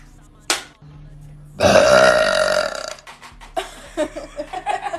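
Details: Girl's deliberate burp: a brief click, then a long, loud, drawn-out voiced belch lasting over a second, followed by laughter and talk.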